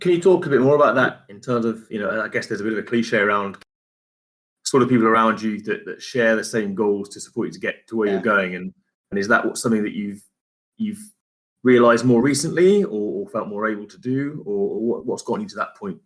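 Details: Adult man speaking; normal speech.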